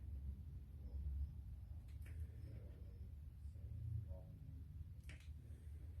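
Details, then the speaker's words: Female dog, lungs auscultated by stethoscope across nine quadrants per side, about two breaths each: soft, low breath sounds, clear lungs with no wheeze, stertor or crackles; no abnormalities heard. "everything sounds clear on this side okay [Music] all right not hearing any abnormalities"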